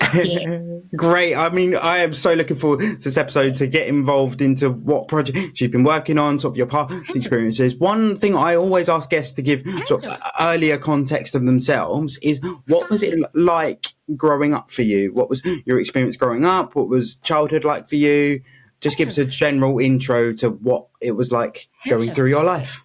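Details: Adult male speaker; normal speech.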